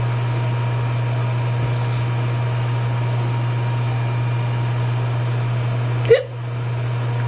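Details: Person counting a series of hiccups: a single abrupt, sharp hiccup near the end over a steady loud background hum.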